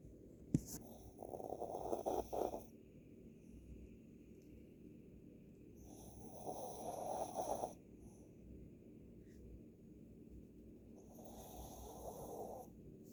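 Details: Slow rattling snores from a sleeper, about three in thirteen seconds, with quiet breathing between them: snoring.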